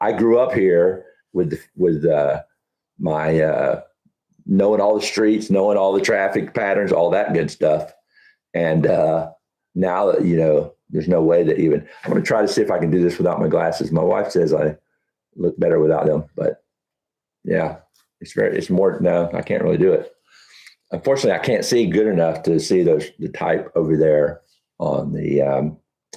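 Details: Adult man with Huntington's disease, about 10–12 years after diagnosis, real patient, who reports that talking is now challenging and his thinking is less methodical than two years ago: speech difficulty in Huntington's disease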